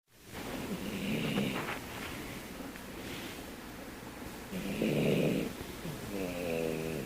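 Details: Poodle snoring loudly while asleep: noisy snorting snores over steady background noise.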